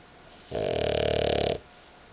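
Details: Female dog asleep on owner's belly: one loud, evenly fluttering snore lasting about a second, a rapid buzzing vibration; snoring.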